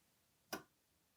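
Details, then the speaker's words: Vintage Evermed DYN 38S high-voltage physiotherapy electrotherapy unit: a single sharp relay click against quiet room noise, the relay switching on and off about once per second, possibly a different pulse program; electrotherapy device relay click. "as you can hear it's turning itself on and off my relay in like a one pulls per second or maybe it is a totally different program"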